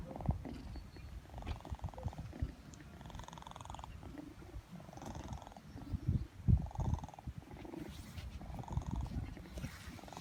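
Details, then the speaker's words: A sleeping cat snoring: rhythmic, rattling low breath noises repeat with each breath, about every one and a half seconds. "Слышите, как он храпит? Как это?"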